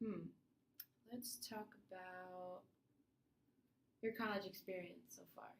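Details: Adult clinician; normal fluent speech.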